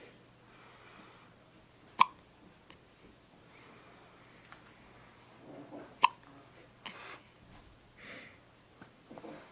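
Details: Newborn baby in hospital having his first hiccups after birth: two sharp, brief hiccups about four seconds apart in a quiet room, with faint soft noises between.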